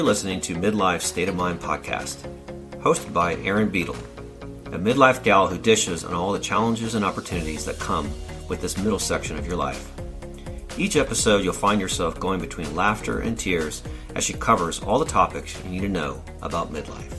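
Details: Adult announcer; normal voice.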